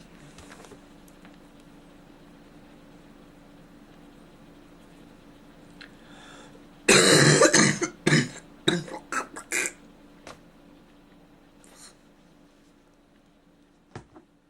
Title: Yay a really bad cough!